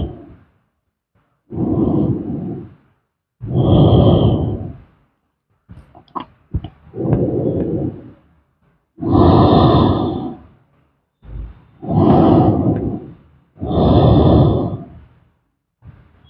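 Slow, regular rough breathing noises, about seven in sixteen seconds, some with a buzzing rattle: snoring during sleep, roughly 26 breaths a minute.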